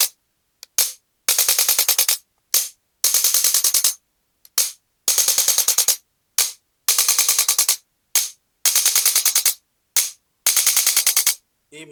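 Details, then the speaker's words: Male patient with L3–L4–L5–S1 disc bulges and bilateral sciatica: repeated bursts of rapid sharp mechanical clicks separated by pauses, as an adjusting gun is applied over the stuck, immobile right kneecap. "ఇది move కావడంలే సక్ అయిపోయిందిన్నమాట అందుకని మనం ఈ adjust gun తోటి మనం ఇప్పుడు adjust చేద్దాం"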